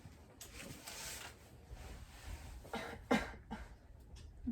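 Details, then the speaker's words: Student nurse demonstrating the final step of deep breathing and coughing exercises: the patient inhales deeply through the nose, then gives two deliberate voluntary coughs; no pain reported. "the final step of this breathing exercise consists of taking a deep breath and coughing twice for example like this"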